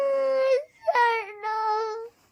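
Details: A young child cries in sustained, high-pitched wails with a brief catch between them, upset while asking for a black phone.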